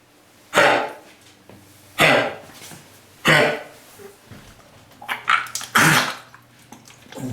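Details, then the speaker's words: Puppy recently in a shelter, just after surgery and vaccines, with kennel cough, most likely from Bordetella bronchiseptica exposure, possibly allergies: repeated harsh, dry, honking coughs, not vomiting. "that's not vomiting that's kenel COV and kenel COV sounds just like that and that can be caused from allergies but most likely it's from the exposure to bordatella"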